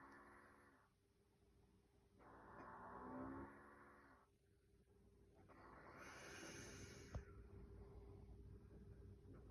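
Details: Mother asleep on a couch snoring loudly with drawn-out, buzzing, almost musical snores alternating with noisy breaths out over a steady background hum; snoring.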